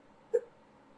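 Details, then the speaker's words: Adult with recurring hiccups while talking: a single short, sharp voiced gulp over low room noise. "it's like a [ __ ] clockwork i get the hiccups halfway through the third one"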